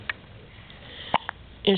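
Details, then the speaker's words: Brief, abrupt vocal catches between short bits of voice; hiccups. "oh my goodness hiccup the same time as you sneeze poor baby got the H up"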